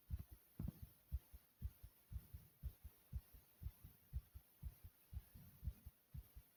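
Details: Rapid, regular lub-dub of the recorder's own heartbeat, at about 120 beats a minute, described as beating really fast and faster than a normal resting rate: fast heartbeat (tachycardia).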